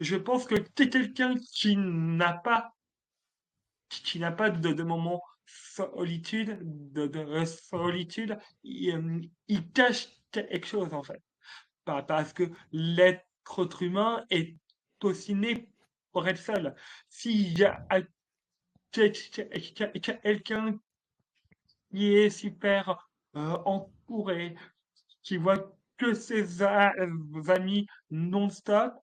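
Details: Adult man, a French-speaking comedian, who has stuttered since childhood and who calls it more like an accent; stuttering.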